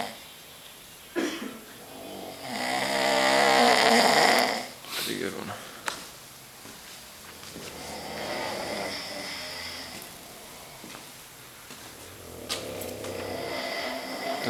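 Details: Loud, rattling snores from more than one sleeper in a military Quonset hut, overlapping in a quiet room, each breath a rough roar.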